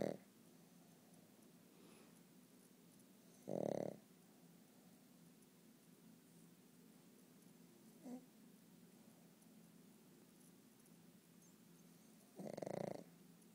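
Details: A pet pug sleeping and snoring: quiet steady breathing with two louder snorting snores about nine seconds apart and a faint click between.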